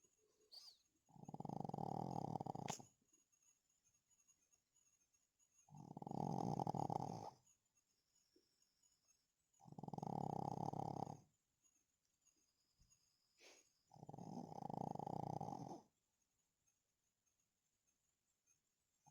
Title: Pug dog snoring while deep sleep